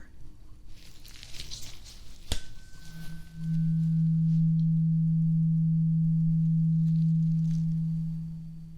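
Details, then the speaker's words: Simulated ASMR medical exam roleplay: soft rustling, a sharp strike, then a pure low steady hum fading slowly from an A2 tuning fork used for a hearing check. "Okay, one more with hearing. I have an A2 fork. Again, if you don't know what that is, it sounds like this."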